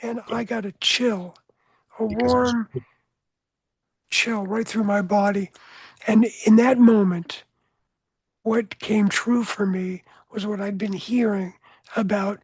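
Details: Adult man with voice change after throat cancer treated with surgery, radiation and two years of experimental chemotherapy; no recurrence since.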